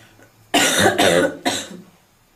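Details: Three harsh coughs in quick succession from a girl, the last weaker; girl coughing.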